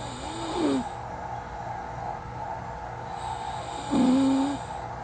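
Two soft, short tonal snores about three seconds apart over steady room hum; quiet, light snoring.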